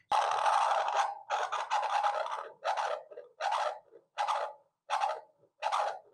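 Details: Handheld app-linked fetal Doppler demonstrated on an adult's own heartbeat, not a fetus: rhythmic whooshing pulses about 80 a minute, blood flow with each heartbeat.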